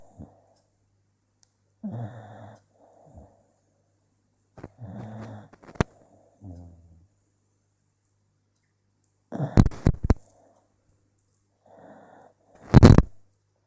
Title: More snores